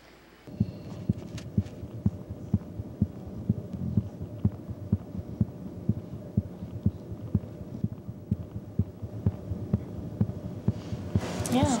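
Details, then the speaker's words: Normal heart sounds of a young girl in intensive care after successful open-heart surgery, via stethoscope: regular heartbeat about 125 per minute; heart rate and blood pressure reported good overnight. "you're different yeah yeah yeah she's doing really well her heart sounds good and her heart rate and blood pressure I've been really good overnight"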